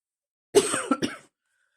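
A short cough of two or three quick bursts from an adult, in a quiet room.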